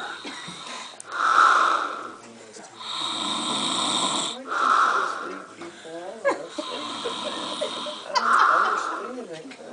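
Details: Adult man (a dad) snoring in his sleep: loud, rasping snores with a hissing, mask-like breathy quality, about 17 breaths a minute, irregular in strength; snoring.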